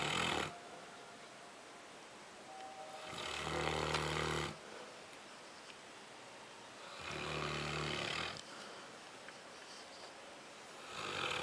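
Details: Newfoundland dog snoring: loud, rough rattling snores on each breath in, about three in the clip, roughly 17 a minute, with quiet breathing out between them.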